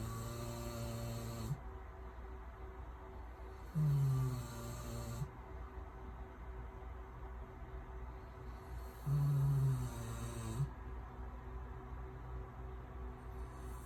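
Deep, low rumbling snores that come and go over steady background hum, about 11 a minute; snoring during sleep.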